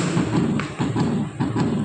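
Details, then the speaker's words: Rabbit heartbeat played back at a science-centre exhibit: paired low thumps repeating at about 100 per minute over background hum. "এটা খরগোশের heartbeat."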